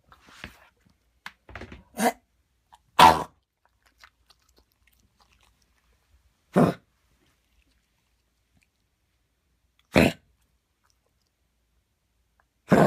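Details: Coughing fit in a dog that started after running in the park: short, harsh coughs every few seconds with retching, as if trying to bring something up but can't; recurring on and off for about half an hour.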